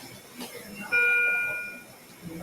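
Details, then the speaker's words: A single clear electronic chime over quiet room noise, a bedside monitor alarm during sedation with propofol, pulse oximetry and oxygen for an ER fracture/dislocation reduction demonstration. "You notice in the ER bells are always going off. Nobody knows about the bells. >> Just kind of background noise."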